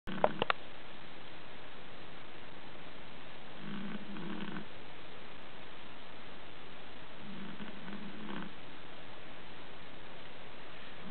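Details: Soft, low, fluttering snores every few seconds from a Chihuahua sleeping after tiring itself out playing, under steady hiss after brief handling noise; snoring.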